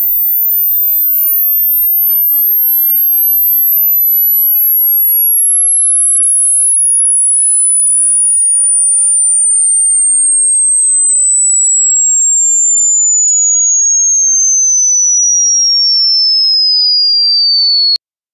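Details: Hearing test for the left ear only, over headphones: a steady pure tone sweeping from very high to lower pitch to find where high frequencies become audible. Frequencies above 18 kHz are altered by compression.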